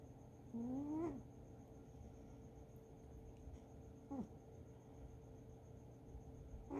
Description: my cat snoring